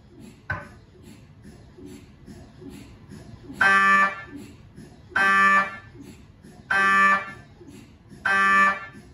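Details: MRI scanner sounds recorded inside the scan room of a GE 1.5T or 3T system: loud buzzing tones repeating every second or two over low rhythmic knocking; normal MRI image acquisition noise.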